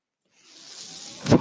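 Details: Speaker's own mechanical ventilator breath cycle, heard in the background while he talks on a podcast.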